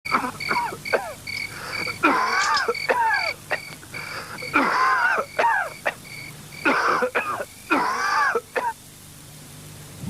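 An adult acts out a run of harsh, voiced coughs in repeated fits, about ten bursts in ten seconds.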